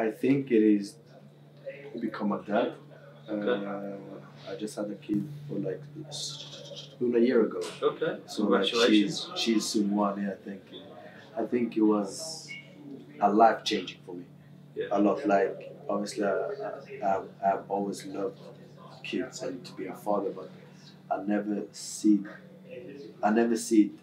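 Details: Adult male footballer who has stammered since about age six; Swedish first language, English second; stammer varies day to day, worse after games and when tired; stammering (stuttering).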